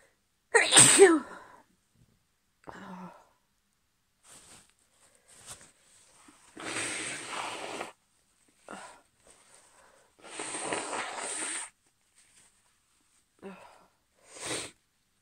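One loud explosive sneeze followed by several hissing sniffs and breathy sneeze-like bursts, in a quiet room; sneezing with a cold.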